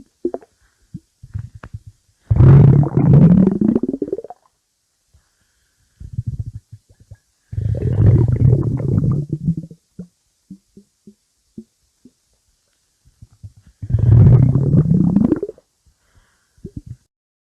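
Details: Stomach growling (borborygmi): three long, low gurgling growls with short rumbles and clicks between them.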